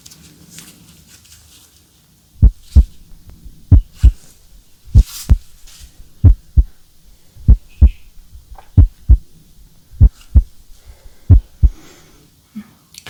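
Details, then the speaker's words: Real adult, ASMR roleplay head-to-toe exam after shoulder injury from a fall, stethoscope under shirt, breathing normally: steady paired lub-dub heartbeats, about 47 a minute, clear with no murmurs or abnormal beats. "clear sound no signs of any murmurs or abnormal Beats"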